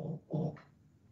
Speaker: Excusez, on entend mon chien de temps en temps. Elle participe aussi. Hein. On l'entend, elle ronfle. C'est un petit bulldog. Elle fait beaucoup de bruit, désolée.